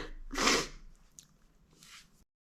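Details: Stifled sneezes during pollen season: a short breathy build-up leads into a muffled, pinched-nose sneeze burst, followed by a softer second puff of air.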